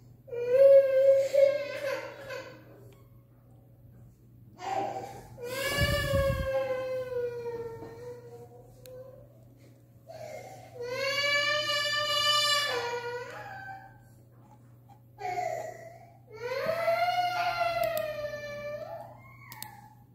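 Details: A young child cries in drawn-out, tonal wails separated by pauses for breath, left to cry as a discipline approach until they stop.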